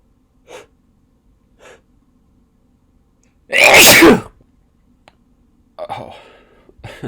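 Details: Induced sneezes: two soft inward catches, then one loud explosive sneeze, followed by a second sneeze in a quiet room.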